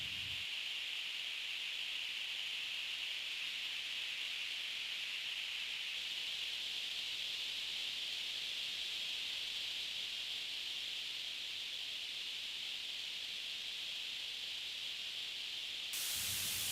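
Steady high-pitched hiss of tinnitus masking noise, set separately for each ear, brightening slightly at the end.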